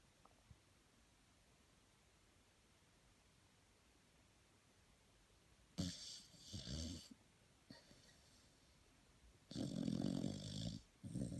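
Two rough, rattling breaths during sleep after a quiet stretch; snoring.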